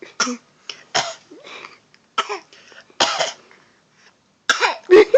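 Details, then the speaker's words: Several short, deliberate cough bursts and throat-clearing sounds from a young child playfully imitating coughing with her father. This is a voluntary fake cough, not from illness. "Oh, you so fake. Miana, you have such a personality already. Like, oh my goodness. How you just know how to fake cough like that?"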